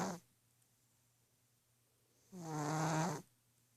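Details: Orange cat sleeping on a pillow snoring: a single loud, low, buzzing snore on the in-breath, with quiet room noise between breaths.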